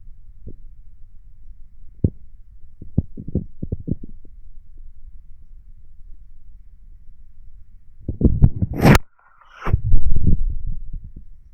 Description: As requested, here is me laying down with stomach noises.